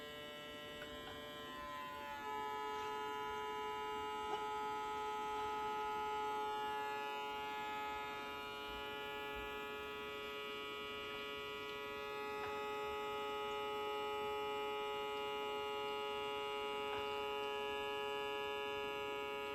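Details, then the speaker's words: Navage powered nasal saline irrigation used on self, allergies bad: steady electric motor hum with constant pitch, whir of the suction device during a saline flush. "you gotta get it in there just right and you're gonna sound like this that's okay all right here we go [Music]"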